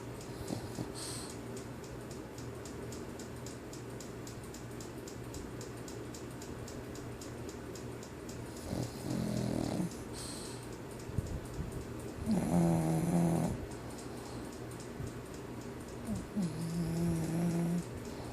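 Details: English Bulldog puppy snoring during a nap; the owner says she always snores and her legs sometimes move as if running. Low rumbling snores recur over steady background noise.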